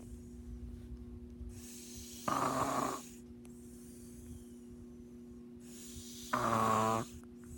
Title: Caught my brother snoring like a duck.